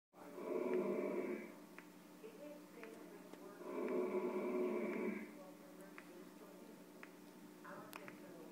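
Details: Heavily pregnant sleeper's nightly snoring: two drawn-out, buzzing snores about three seconds apart with faint clicks between them; snoring in sleep.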